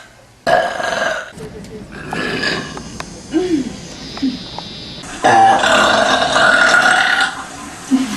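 Long, loud, drawn-out belches with quieter voice sounds between them; repeated burping.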